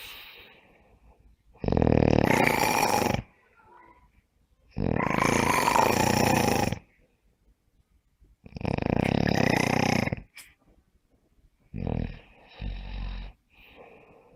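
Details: Loud, rough, rattling snores, each lasting one to two seconds, with quiet pauses between them; snoring during sleep.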